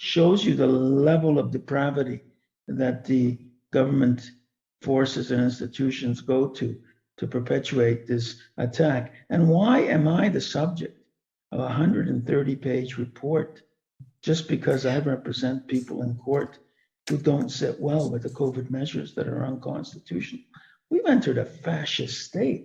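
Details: Dysphonia in an adult man from permanent vocal cord damage caused by intubation during illness; he reports speaking is very hard, especially for sustained periods.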